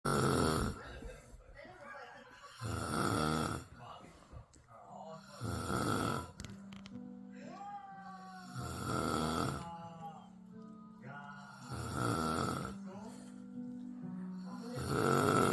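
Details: Loud, harsh snores about every three seconds from a sleeping person (the cat's owner), heavy enough to hear from the next room, while the cats beside them sleep on; music in the background; snoring.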